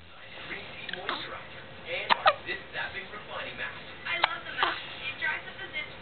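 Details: 9-day-old baby: several sharp, brief hiccup catches with soft grunting breaths between them; ordinary infant hiccups.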